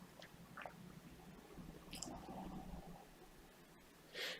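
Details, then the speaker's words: Microsuction of the left ear, a narrow canal and the patient's most troublesome side, with wax softened by drops for about 20 minutes: low suction hiss with wet squelches and pops as wax is drawn through; ear wax microsuction. "i've got better suction grip because the wax is now obviously it's been dosed about 20 minutes and the drops have really acted upon the wax it's really softened it it's made it softer so we can wriggle it through and when it's softer as i mentioned we can get a better suction grip and yeah it's just coming through now"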